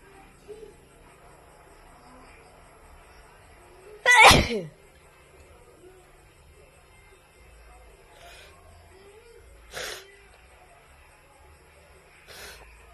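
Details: One loud, sharp sneeze burst in a quiet room, followed by fainter sneeze-like bursts; a woman sneezing again.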